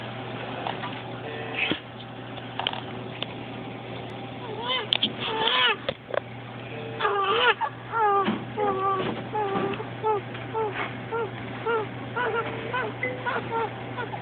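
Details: Infant breathing on her own off the ventilator, crying for the first time: weak, intermittent cries and whimpers over a steady machine hum.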